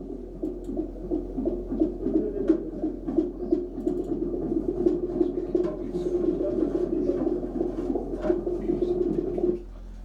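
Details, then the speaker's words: Live fetal heartbeat on ultrasound in a pregnant ruminant, used to confirm fetal viability: rapid, rhythmic whooshing pulses that can be counted. "ये इस पे ये fetal heart beat आप सुन रहे हैं, love तो इसमें हम फिर गिन भी लेते हैं।"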